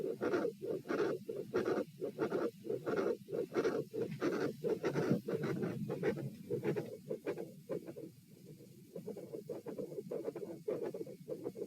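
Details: Auscultation at position A during postural stress test (lie, stand, sit, lie; 72-108-90-84 bpm), sound drops on sitting: regular beats near 90 a minute, rushing murmur through both phases, briefly softer midway. Continuous heart murmur.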